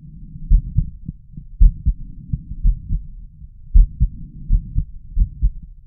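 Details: Adult male's forceful low heartbeats via stethoscope, unevenly spaced with a noticeable pause over a continuous low rumble, provoked by deliberate chest vacuum manoeuvres; irregular heart rhythm with pauses.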